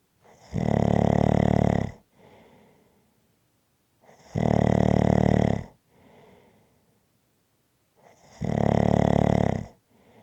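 Loud, rattling snores on each breath in, about 15 a minute, with quiet breaths out between; ordinary snoring.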